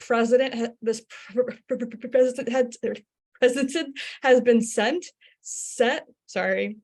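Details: Stuttering in an adult who identifies as a person who stutters, asking a question during a workplace-focused webinar.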